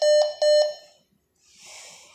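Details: Anesthesia machine (BPL) alarm: two sustained electronic tones, then a faint hiss as ventilation begins, on switching to ventilator mode in adult setting with tidal volume set at 460.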